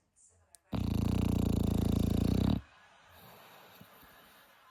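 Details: Sleeping dog: one loud, long rattling snore with fast fluttering vibration, then quiet breathing; ordinary snoring.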